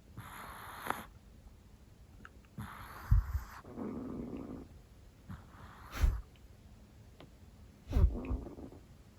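Soft, low, irregular snorts and rumbling breaths from a sleeping small dog; light snoring.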